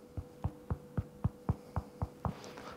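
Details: Self-demonstration of finger percussion at the bottom of the rib cage; dull percussion note.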